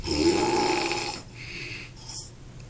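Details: A person snoring: a loud, rough, rattling snore on a breath, followed by quieter noisy breathing.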